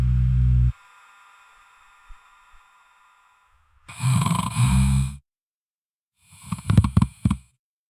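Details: Snoring heard muffled through a wall, as from a neighbour; a sound-effect recording.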